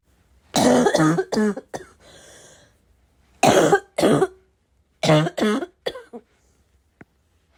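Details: Heavy barking smoker-type cough: loud, harsh barking coughs in clusters of two to four with throat clearing and quiet gaps; person unsure whether it comes from vaping or from getting sick.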